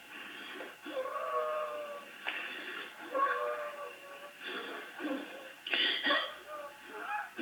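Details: Wheeze in anaphylaxis: noisy, rapid breaths, about four in seven seconds, with high musical whistling tones throughout, widespread wheezing from narrowed airways.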